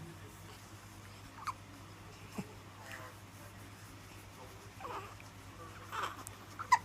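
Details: A baby makes soft, brief catches of breath every second or so over a steady low room hum; ordinary infant hiccups.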